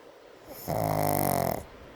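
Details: A brindle Pug snoring during an afternoon nap: one loud, buzzing, tonal snore lasting about a second.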